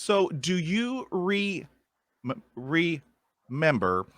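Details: Adult male who stutters, with sound repetitions; stuttering.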